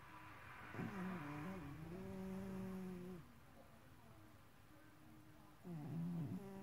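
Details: Snoring during sleep: long, low, droning, tonal sounds on inhaled breaths, separated by quieter pauses.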